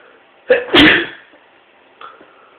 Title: Sneezing 3